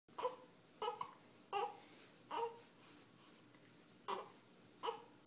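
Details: Baby girl upset by hiccups: six short whimpering cries with pauses between them; infant cry, fussing.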